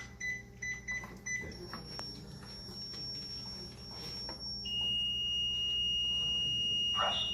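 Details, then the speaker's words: Defibrillator in AED mode during a training demonstration on a simulated patient: repeated electronic beeps while it analyzes the rhythm, then a steady high charging tone before it prompts the user to deliver a shock. "그럼 얘가 분석하는 순간 또 아까처럼 충전 들어가서 이제 충전 끝나면 선생님들한테 샥 주라고 명령을 할 겁니다."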